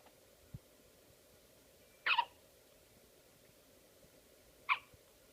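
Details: One-week-old baby with hiccups: two short, sharp hiccup sounds about two and a half seconds apart in a quiet room.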